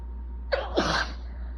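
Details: Sneeze from a person with bad allergies and building congestion during an itchy, desperate sneezing fit.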